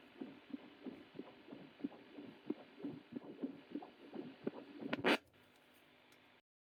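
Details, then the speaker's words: Adult's own heartbeat, heard with a handheld fetal Doppler (Sonokid) held on the chest after its LM324 op-amp was replaced: steady, rhythmic whooshing pulses over hiss, ending in a loud probe scrape; normal heartbeat. "I put the device prob on my heart and we can see it that the sound of my heartbeat is easily"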